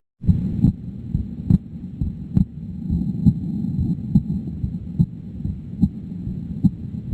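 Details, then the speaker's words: Regular heartbeat near 70 a minute with paradoxical (reversed) splitting of S2: the second sound splits on expiration rather than inspiration, commonly seen in left bundle branch block. "for the paradoxical splitting or reverse splitting instead of splitting uh during inspiration what happens there's uh splitting during expiration Okay so this is common uh commonly uh in patient with left Bendle brge"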